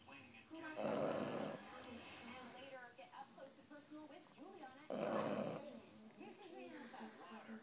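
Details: 4-month-old English Bulldog snoring: two loud, harsh, snorting breaths about four seconds apart with wheezy, snuffling sounds between; noisy flat-faced dog snoring.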